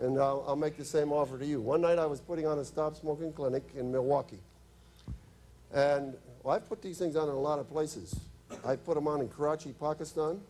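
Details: Adult man; normal speech.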